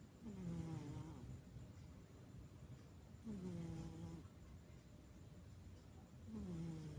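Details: Domestic cat (kucing kampung) asleep: soft, regular purring snores with each breath, about 20 a minute, over steady background hiss; ordinary sleep snoring.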